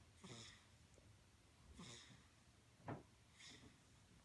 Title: Baby snores then has nightmares